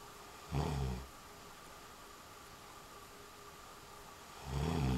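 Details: A person who denies snoring gives two deep, rumbling snores about four seconds apart with quiet breathing between them, roughly 15 a minute. Snoring.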